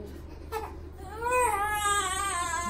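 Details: Newborn baby crying during his first bath as water is poured toward the back of his head: rising, wavering wails over faint room noise; an ordinary newborn cry.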